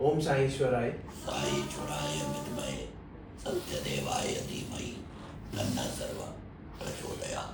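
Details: 70-year-old man with laryngeal cancer treated with radiation in 2019, recurring in 2024, then total laryngectomy; speaking with a TEP voice prosthesis; tracheoesophageal (TEP) speech after total laryngectomy.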